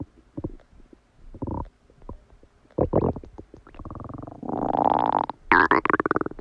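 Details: Bowel sounds (borborygmi).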